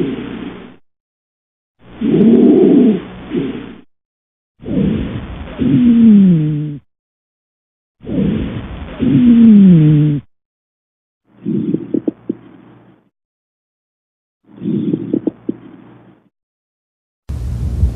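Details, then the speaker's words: Stethoscope auscultation of the posterior chest of an adult man during a nursing student's thorax and lung assessment, arms folded, mouth breathing; about 18 breaths a minute, normal breath sounds. "I'm now going to listen to your back if you could just keep your arms folded and breathe in and out through your mouth for me okay"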